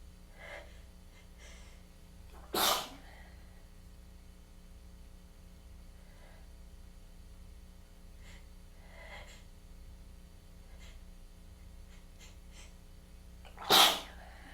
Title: Tickly, congested weather change sneezing fit